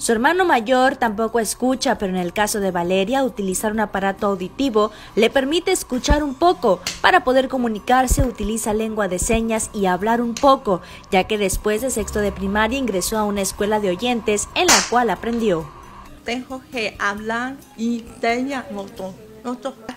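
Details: Adult female narrator; typical speech.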